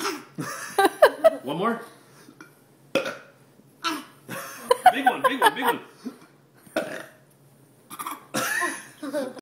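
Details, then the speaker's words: Two people take turns burping: several loud, drawn-out voiced belches from more than one person with brief pauses between them; ordinary burping. "Oh, this is burping with."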